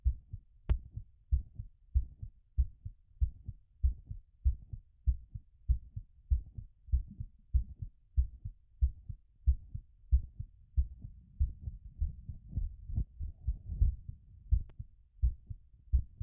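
Steady low heart thumps through a stethoscope at about 95 beats a minute, with some extra rustling partway through. This is a normal heart still beating quickly as it recovers after exercise.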